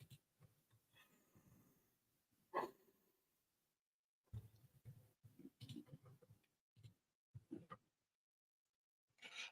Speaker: don't know if you can hear my dog over snoring but she is snoring